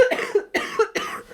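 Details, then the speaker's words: Adult with a cold/flu coughing: three quick, harsh cough bursts in close succession, a short coughing fit. "I'm going to have to wrap this up soon, because otherwise it's going to become a coughing podcast."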